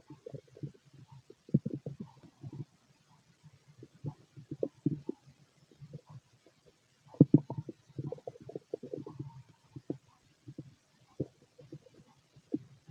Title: Male stomach growls